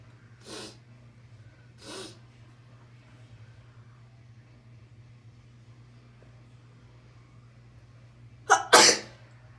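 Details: Deliberately induced sneezing: two soft sneezes, then a louder double sneeze after a pause, over a low steady hum.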